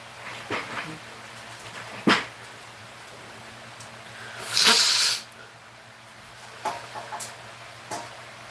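A single forceful, hissing sneeze burst is heard amid scattered room knocks and clicks.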